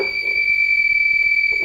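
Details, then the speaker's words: A loud, steady high-pitched alarm from LVAD controllers as the driveline is pushed into the backup controller during a controller-exchange demonstration; both controllers alarm until silenced. "going to get alarms on both controllers just hit the alarm silence button"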